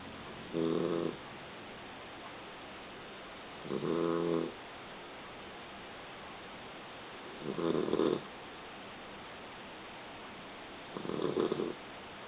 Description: Ivy the 3 month old lab-mix takes a nice long snooze....she snores